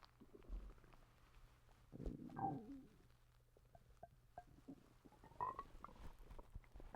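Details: Stomach rumbling (borborygmi) in a person who has recently been sick and vomiting: low gurgling rumbles and bubbly squeaks from the belly, scattered and irregular, with faint background hum.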